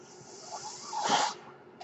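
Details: The speaker's own mechanical ventilator delivering a breath: a single airy whooshing hiss swells and fades over a faint steady hum.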